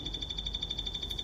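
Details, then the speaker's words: EMG biofeedback tone during maximal muscle contraction, used to motivate the patient to contract harder: steady high-pitched tone pulsing rapidly and evenly, described as very loud. "suaranya kecang banget berisik atau kita dikasih gak apa caak maksimal set guu ini kan untuk motivasi pasan tersebut untuk bisa kontraksi C maksimal"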